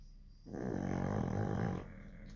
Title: snoring dogs 😆❤